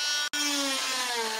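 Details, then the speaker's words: Steady high-pitched whine, with a brief pause and falling pitch, of an oscillating cast saw whose blade shakes back and forth rather than spinning, cutting off a long leg cast on a pediatric patient. "remember watch this the blade itself just oscillates it shakes back and forth really fast okay it doesn't spin around like the kind of saw that maybe your dad uses to cut wood right"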